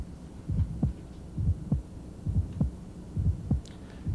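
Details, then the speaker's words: Ejection sound at about 67 beats a minute, a sharp, discrete, clicky high-frequency sound just after S1, heard best with the diaphragm anywhere along the left ventricular outflow tract; may be a bicuspid aortic valve; louder with firm bell pressure. "one is to take the bell and press it against the skin making the skin into a diaphragm and ejection sound will get louder as you do that"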